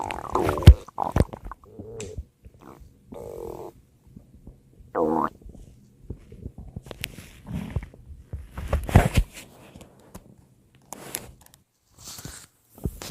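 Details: Stomach growling (borborygmi): scattered low gurgles, squeaks and short rumbling growls with gaps between.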